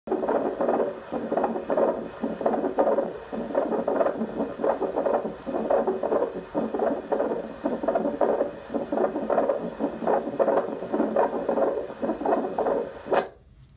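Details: Subsonic device recording of low-frequency precordial vibrations, not audible by acoustic stethoscope, from a patient with ischemic cardiomyopathy, Class 2 CHF, LVEF 25%, in normal sinus rhythm: clicky beat clusters about 55 per minute with PMI, recoil, S4 and S3 gallops.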